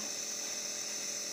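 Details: Boy using his nebulizer for breathing trouble: steady high-pitched hiss and hum of the compressor delivering aerosol medication; he is said to be breathing better already.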